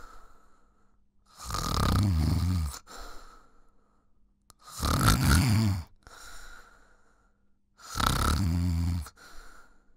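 Loud rattling snores on each breath in, about 19 a minute, with softer breaths out between them.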